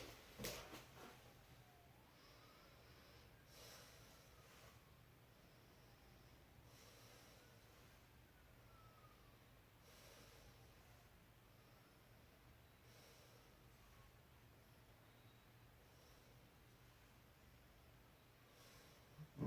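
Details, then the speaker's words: Normal breath sounds heard through a stethoscope over the anterior chest of a male patient: soft, regular breathing with lungs clear and no wheezing, rhonchi or crackles. "so in his anterior aspect of his own of his chest his chest was his lungs are sounding clear I didn't hear any sort of wheezing ronchi or crackles"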